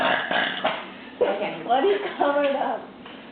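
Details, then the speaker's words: Human burp during a burping contest: a long, rumbling voiced belch lasting a couple of seconds with a gurgling quality. "Just so you know, we got that burp on video. Yeah, your burp was just on video."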